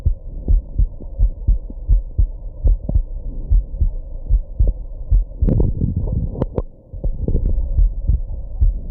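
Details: Heartbeat with hiccups after smoking and drinking a little at a birthday: regular low heart thumps at roughly 80 a minute, interrupted midway by a few louder hiccup jolts.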